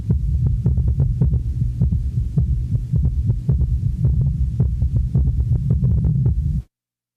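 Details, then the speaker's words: Quadruple rhythm (summation gallop) recorded at the apex of an elderly male patient with heart disease: rapid low-pitched heart sounds in a four-beat cadence, with S1, S2, S3 and S4 all present. "listen to such a rhythm in which all four heart sounds are present now listen to all four sounds taken at the apex of an elderly male patient with heart disease"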